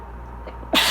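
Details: A person has a sudden loud sneeze while reading aloud about pollination during an allergy fit. A steady background hum and a faint catch come first, then the sneeze, consistent with allergic rhinitis.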